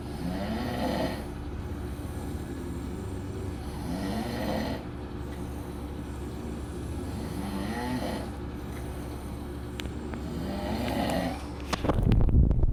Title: Snoring Competition in Vegas